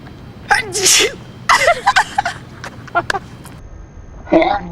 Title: The Sneeze